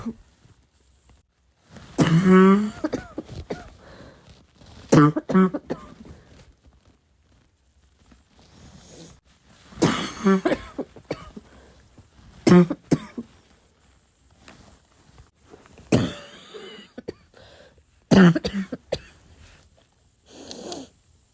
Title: this cough kept me awake last night